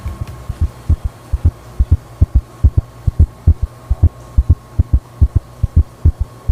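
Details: Heart sounds played from a mobile phone: rapid, regular lub-dub at roughly 140 beats a minute with a faint steady hum behind, tachycardia, a heart rate above 100.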